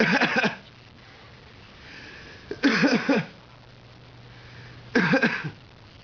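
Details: Child imitating her father's cough: voluntary, copied cough sounds.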